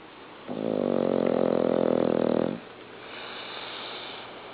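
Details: Loud, rattling, buzzing two-second snore, then a quieter breath, from a sleeping individual whose snoring can be heard from upstairs; snoring.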